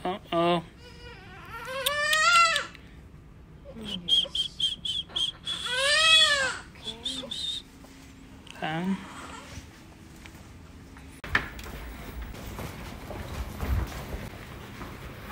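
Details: A few short, high, wavering cries from a newborn girl just after hospital birth in Finland, followed by quiet room noise; a normal newborn cry.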